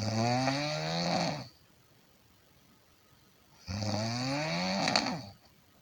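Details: Two long, loud, buzzing snores on the in-breath, separated by a quiet pause of about two seconds; snoring.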